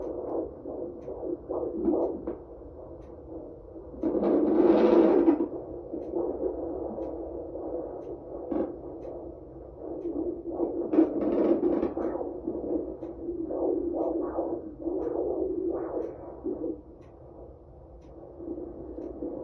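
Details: Fast whooshing fetal heartbeat pulses, roughly 140–160 per minute, with swishing movement noise, heard on fetal Doppler ultrasound at 18 weeks of pregnancy. The baby is described as super active during the scan.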